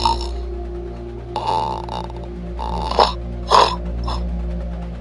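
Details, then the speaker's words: Snoring recording played in a snoring and sleep apnea awareness campaign: irregular harsh rattling snores over background music, said to show how problematic the breathing is. "숨쉬는 속 소리가 그렇게 샤 난 소리가 난다는 것은 그 호흡이 얼마나 문제가 있다는 것을 여실히 보여주는 거거든요"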